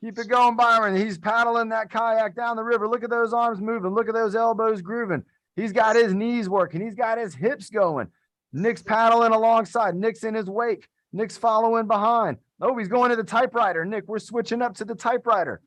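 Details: Adult male speaker; typical speech.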